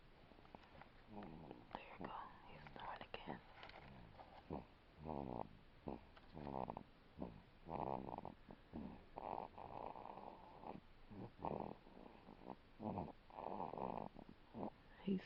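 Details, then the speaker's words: Infant about one month old snoring during sleep after crying hard: soft, rough, rattling breath sounds repeating in quick cycles, about 30 per minute; snoring. "listen to how is snoring at a month oh he's only a month or you guys"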